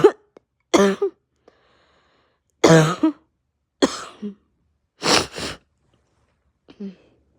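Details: Adult with pounding head, raw sore throat, heavy chest and stuffed nose; barking and hacking hard enough to nearly vomit; barking cough.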